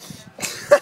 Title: Coughing(Day 721)